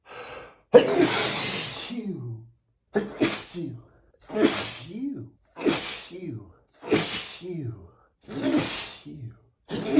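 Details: Male sneezing, from 100+ sneezes recorded on the same day: seven forceful sneezes in quick succession over ten seconds, each a sharp burst trailing into a short voiced exhale.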